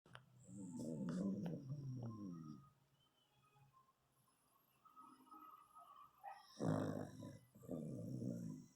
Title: roncando...